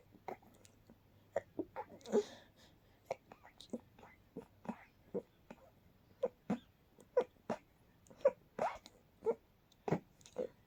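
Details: Quiet, very stifled night sneeze attack: a long run of about twenty held-back bursts, short puffs through closed mouth and nose, kept quiet so no one woke up; stifled sneezing.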